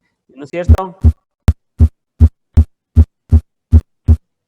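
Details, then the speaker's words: Physiology class demonstration of a stethoscope placed at the mitral area, stated as the sixth intercostal space at the midclavicular line. Clear paired first and second heart sounds, systole and diastole, about 80/min and regular. Normal heart sounds, no murmur. "ustedes escuchan ahí fíjese en un sonido es sístole y el otro es días"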